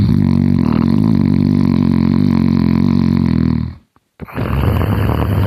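One long, loud, deep rattling snore on a breath in, followed by a short pause and noisy breathing out.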